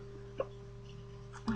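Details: Really bad bout of hiccups while talking on camera: two short, abrupt throat catches about a second apart over a steady low hum.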